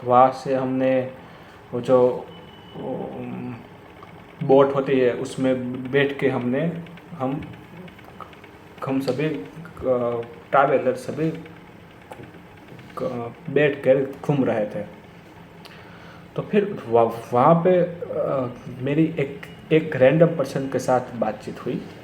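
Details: Stuttering in an adult man speaking Hindi who says he has stammered for many years.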